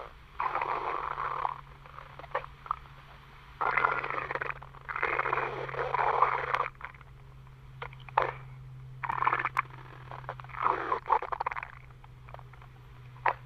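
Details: Stomach growling (borborygmi): irregular bursts of gurgling and rumbling from gut movement, separated by quiet gaps.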